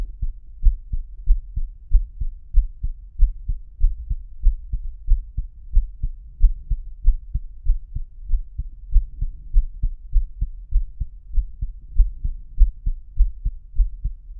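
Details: Self-recorded heartbeat via homemade stethoscope microphone (lapel mic inside stethoscope tubing): steady deep thumps at about 95 a minute, rate roughly 50–95 depending on thumps per beat; normal heartbeat.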